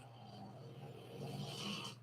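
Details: Owner's pet dog heard snoring while asleep: low, rumbling snore with a noisy, rasping in-breath that builds toward the end.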